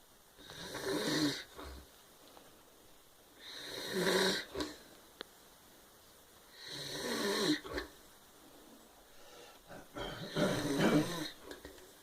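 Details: Brother, who claims he doesn't snore, asleep: four rattling breaths in twelve seconds, each swelling and fading, with small snorts between; steady snoring at about 19 breaths a minute.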